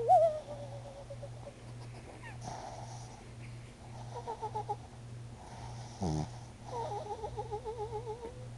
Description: my pug tiggy snoring while I'm trying to sleep. This is why he sleeps downstairs.